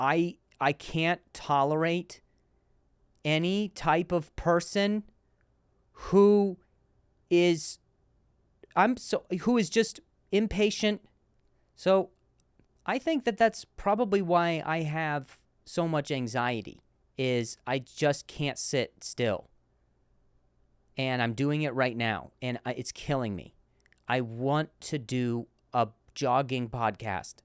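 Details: Male comedian hosting a podcast about his stutter; repeated words; stuttering.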